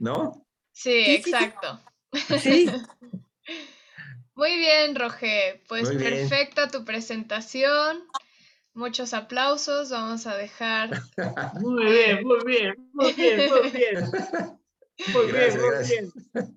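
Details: Adult facilitator speaking Spanish; ordinary speech.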